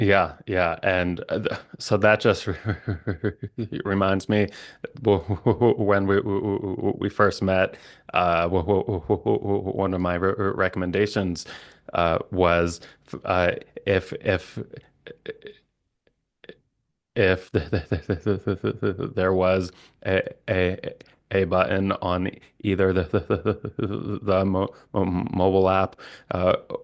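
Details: Stuttering with sound, syllable and word repetitions and blocks in an adult male speech-language pathologist who stutters.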